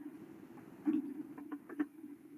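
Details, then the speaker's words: Fine crackles in a respiratory semiology class, likened to rubbing hair together. Several brief, soft crackling clicks over a steady low hum, suggesting pulmonary fibrosis. "eso son crépitos finos es como estrujar los cabellos no [Música] cuando escucho crépitos finos voy a pensar una fibrosis"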